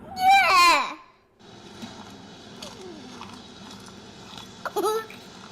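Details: An infant reacting to a panda sneeze video gives one brief rising and falling wail, then quiet, then a short vocal burst, over low room noise: infant cry.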